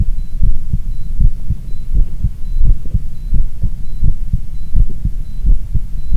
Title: 心電図と心音～ 伸びあり ECG and heart sounds